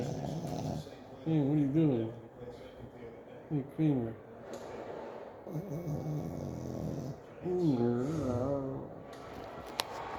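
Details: A sleeping dog snores in a quiet room, with three louder, wavering, almost whining snores.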